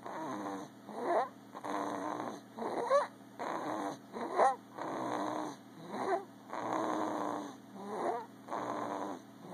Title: Snoring at it's finest..